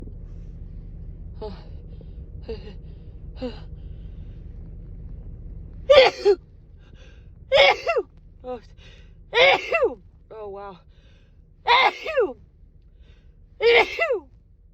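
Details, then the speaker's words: A woman with a cold has a morning sneezing fit: three soft catching breaths, then five sharp explosive sneezes, each after a quick inhaled gasp; nose sore, sneezes wet. "It just all in my nose, but it feels so good to just sneeze them out."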